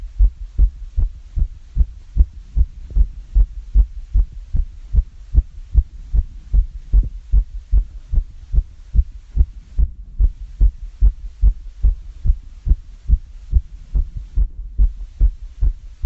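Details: Own fast heartbeat after exercise (climbing up and down stairs): quick, regular heartbeat thumps.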